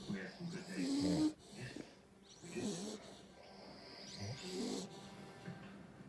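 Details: Loud rumbling snores, about three in six seconds, over background television or music; the recording compares the snoring of an American Bully dog and a man: snoring.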